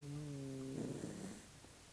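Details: Dog resting and healing: a single low, humming breath breaking into a fluttering rattle that trails off; a brief snore.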